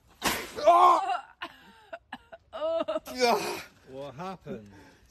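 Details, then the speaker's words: A water buffalo gives a sudden, loud, airy sneeze, followed by surprised human voices. "Somebody sneezed. Oh my god. Yeah. What happened? Somebody sneezed."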